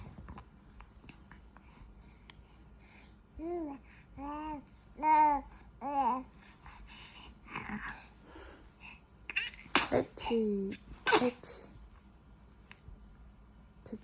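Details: An 85-day-old baby babbles and coos, then gives a few small, abrupt bursts near the end that fit tiny infant sneezes.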